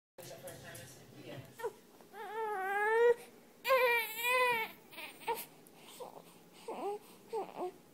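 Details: A baby cries in two long, high wails with shorter whimpers and fussing between; a cat is soothing the crying baby to sleep.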